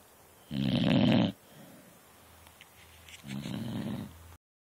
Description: My beagle snoring on the couch.